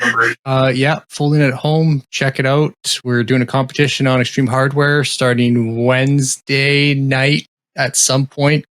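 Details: Adult male speaker; no disorder.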